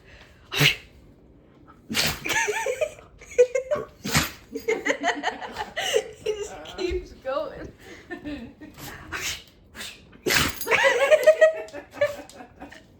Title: Dog sneezing nonstop